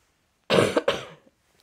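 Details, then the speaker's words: Two quick, loose coughs from a breastfeeding adult mother with a cough and cold, shared with her baby, in bed in a quiet room in the morning. "um so got cough cold so I'm breastfeeding I've just messaged some of my mom friends to see what I can take"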